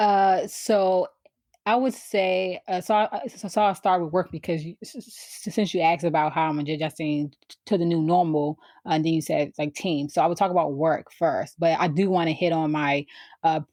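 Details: Adult woman who has stuttered since she began to speak, around age four or five: stuttering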